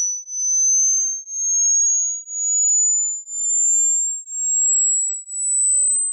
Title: ear test use max sound, to hear maximal